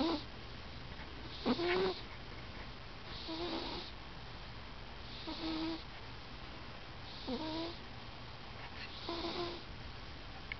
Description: My cat Hermes snoring loudly while he naps.